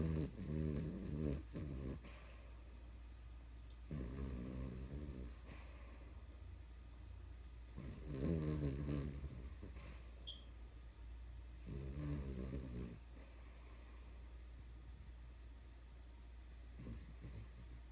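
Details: Very tired puppy snoring while asleep: rhythmic low rumbling snores with airy exhalations between them, roughly four breaths over eighteen seconds.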